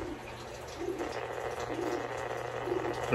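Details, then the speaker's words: Fetal heartbeats of unborn baby boas heard by Doppler on a gravid boa constrictor: faint, regular whooshing pulses through Doppler hiss; multiple heartbeats may be picked up. "you guys can hear that that's the baby's heartbeat right there right there and sometimes you might pick up multiple"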